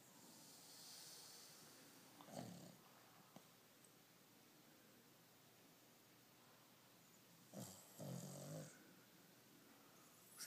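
Two snorting, rattling snores against steady room noise, typical of a flat-faced dog's noisy sleep breathing.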